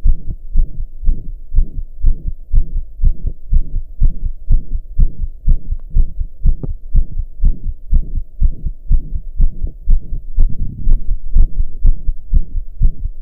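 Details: Own heart recorded lying down, calming after pounding hard for hours: a regular, slow heartbeat at about 61 beats a minute with a loud, soft whooshing sound between beats, a heart murmur.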